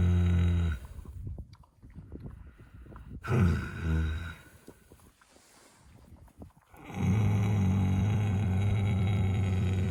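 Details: Horse lying down for an afternoon snooze: deep, loud groaning snores with long drawn breaths and quiet gaps; ordinary snoring while dozing.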